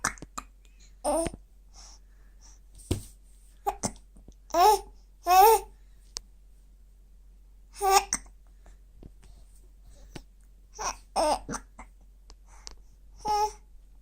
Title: Hiccups!